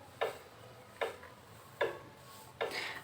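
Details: Simulated heartbeat from a BabyPlus prenatal education device, its speaker in a pouch placed below the navel of a pregnant woman; steady soft ticking pulses about 75 a minute, volume levels 1 to 16 rising over time.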